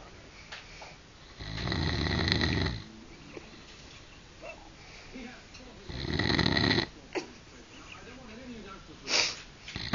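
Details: Adult husband who claims he doesn't snore, recorded asleep: two loud, rasping snores about four seconds apart, then a short snort, with faint room noise; snoring.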